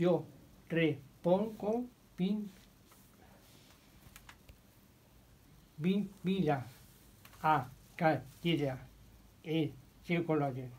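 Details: 61-year-old with nonfluent primary progressive aphasia, in therapy about two years; motor-predominant aphasia, apraxia, phonemic paraphasias and marked inhibition difficulties; speaking during a therapy session; nonfluent primary progressive aphasia.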